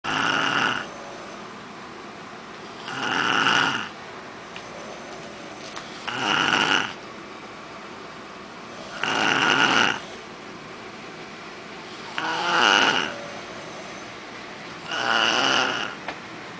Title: snoring boy rocco